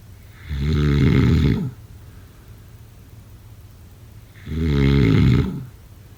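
Two loud, low, rattling snores on inhaling, about four seconds apart, with quiet breathing between; ordinary snoring.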